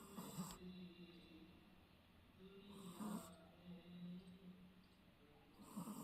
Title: Never ever seen a dog snoring while sleeping #shinzu #shihtzu #cutepuppy #puppy #murphy #sleepingdog